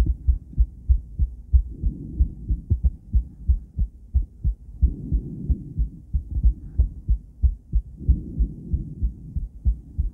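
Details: Female heart recorded with a cardiac ultrasound transducer alongside ECG: rhythmic whooshing pulses at about 90 a minute with soft flow noise between them; Doppler heartbeat.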